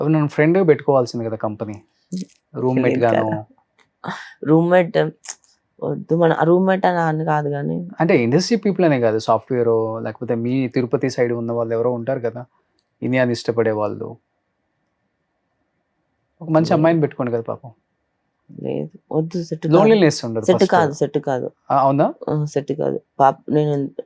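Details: Adult speakers in conversation; conversational speech.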